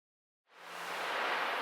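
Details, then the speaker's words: Harsh, scratchy scraping sound after a brief silence on cardiac auscultation, pericardial friction rub, typically associated with acute pericarditis and best heard in deep inspiration with the patient leaning forward. "Para concluir, hablaremos del roce pericárdico, que es similar a un ruido de raspado. Se asocia típicamente a pericarditis agudas y se ausculta mejor en la inspiración profunda y con el paciente inclinado hacia adelante."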